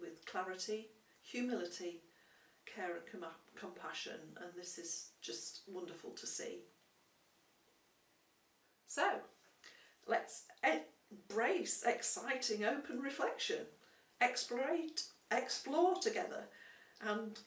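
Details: Adult woman speaking; typical speech.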